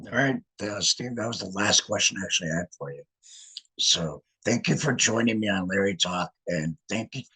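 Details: Male laryngectomee who regained speech after laryngectomy; alaryngeal speech after laryngectomy.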